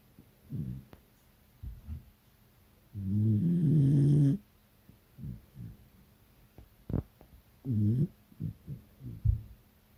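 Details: Beagle snoring loudly during an afternoon nap beside its owner: short snuffling breaths and one long, rumbling, fluttering snore.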